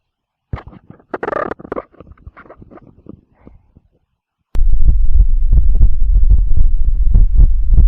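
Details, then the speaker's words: Normal lub-dub heart sounds, the speaker's own heartbeat via a Bluetooth digital stethoscope connected to a laptop: scattered soft sounds, then loud, muffled, rapid low thumping. "अभी जो आपने आवाज सुनी ये है normal heart sound."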